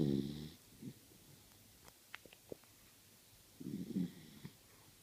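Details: Low rumbling snores from a Beagle with quiet pauses between breaths; owner says the dog snores while still awake; dog snoring.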